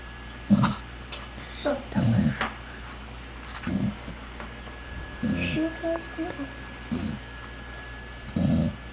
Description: my dog Mya snores really loud lol